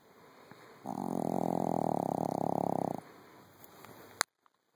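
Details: Dog snoring in bed: one sustained rattling, rumbling snore lasting about two seconds in a quiet room, then a sharp click.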